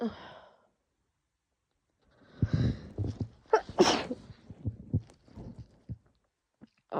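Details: Adult with a cold, sore throat and lungs, sneezing possibly triggered by strong laundry detergent: forceful explosive sneeze after a sharp intake, then sniffing and short breathy noises; harsh sneezing fit.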